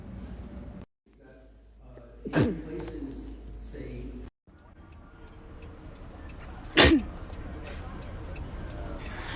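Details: Female sneezing into her elbow, from a compilation: two sharp, explosive sneezes, each with a brief intake of breath before the burst, against room noise and faint voices. Ordinary sneezing.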